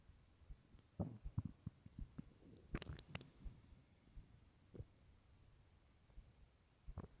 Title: empty stomach growls